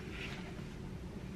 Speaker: did y'all hear that? That's my stomach. I'm intermittent fasting.